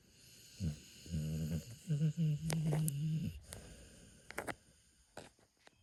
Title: Dog snoring 😴 snoring sounds